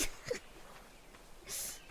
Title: 【#ホロARK】 Sneezes collection 【Hololive /】